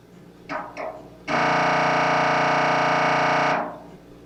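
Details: Sample MRI scanner noise for preparing patients, especially children, for a scan: two short knocks, then a loud steady mechanical buzzing tone lasting about two seconds before fading.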